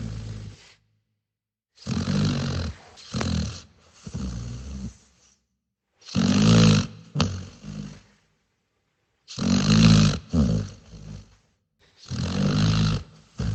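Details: A dog snores in loud, rumbling bursts, roughly four snoring breaths across the recording.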